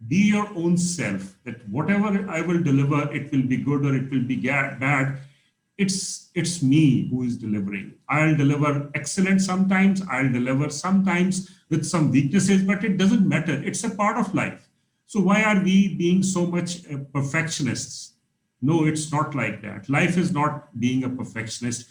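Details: Adult man speaking; normal speech.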